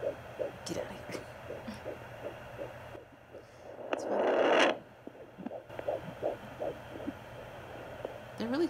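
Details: Home Doppler at 13 weeks of pregnancy, mother tracking two suspected twin heartbeats: rapid, soft whooshing pulses of a normal fetal heartbeat.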